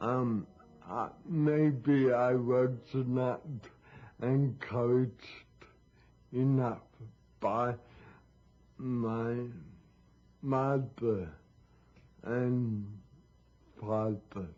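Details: Dysarthria from mild cerebral palsy affecting leg muscles and speech in a 51-year-old man.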